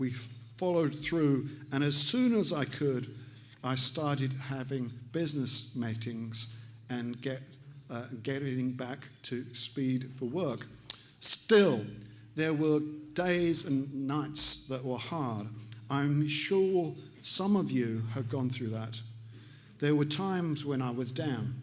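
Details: Aphasia after stroke caused by carotid artery plaque breaking off and lodging in the brain, in an adult man about three years post-stroke after extensive speech therapy; aphasia.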